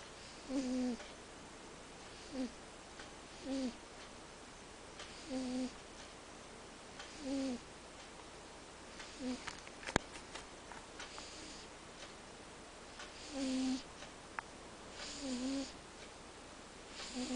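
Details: Sleeping cat snoring: soft squeaky whistling snores with each breath, about every two seconds, in a quiet room.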